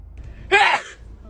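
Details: A single quick voiced intake of breath in an adult woman, a gasp such as comes just before a sneeze, from a sneezing compilation.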